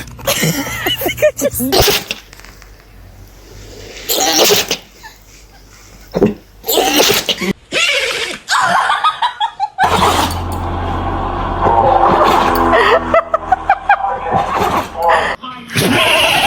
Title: Bless you! The cutest little sneezes you'll ever see!😂 #DogSneezing #Achoo #FunnyDogs #Cute #fyp